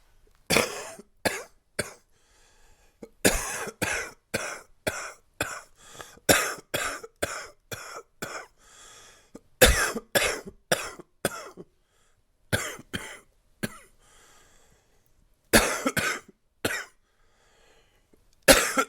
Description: Here's some more coughing from my current cold...mostly chesty with some congestion.